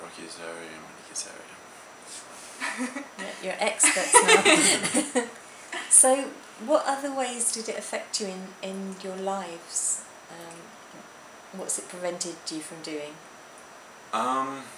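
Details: Adult speaker, likely female, in a small room; ordinary speech.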